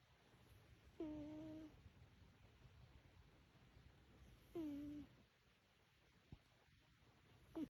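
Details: A sleeping Birman cat napping in the afternoon with whisker twitches makes soft, whistling snores about every three and a half seconds, roughly 17 breaths a minute.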